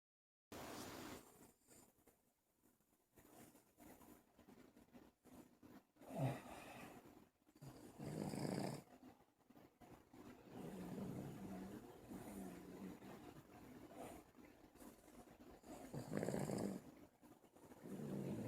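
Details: Buddy, a newly adopted dog, snoring while asleep: irregular snorting and rattling snores with snuffling between breaths and some room noise.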